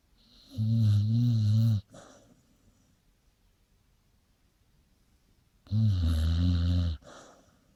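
Two long, deep, rattling snores about five seconds apart, each followed by a short exhale, with quiet between them; loud snoring in sleep.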